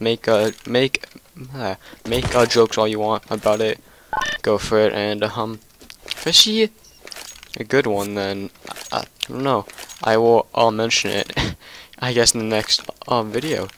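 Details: Male who stutters in nearly every sentence since second or third grade, severity varying over the year; stuttering.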